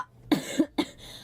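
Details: Girl coughing during a live game stream, with talk nearby mentioning colds: two short, dry coughs in quick succession over faint background sound.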